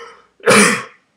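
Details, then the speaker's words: An adult man sick with a cold gives a single harsh, throaty cough while vlogging. "hello people of the vlogging nature today my vlog comes to you in three parts yeah three part sounds right um part one i am still sick which really sucks for me"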